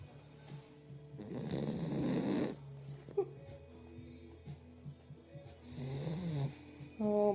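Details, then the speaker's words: Female German shepherd–Rottweiler mix shelter puppy, just over 2 months old, asleep in owner's arms, snoring: two loud, rattling snores on each in-breath, with faint background music. "Someone's tired. Oh, finally. Someone's snoring."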